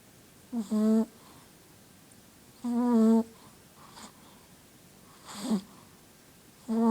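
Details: Sleeping shih tzu dog: slow, irregular tonal snoring sounds with each breath, about one every two seconds, in a quiet room: snoring.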